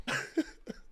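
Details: An adult gives a quick burst of two or three short, harsh coughs in under a second.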